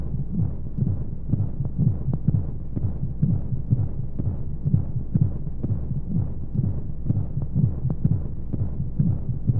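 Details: Simulated womb sound for baby sleep aid: muffled rhythmic heartbeat thumps at roughly 60 a minute under steady low whooshing flow noise and white noise; heartbeat.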